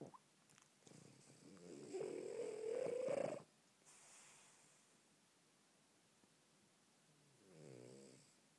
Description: Snoring French bulldog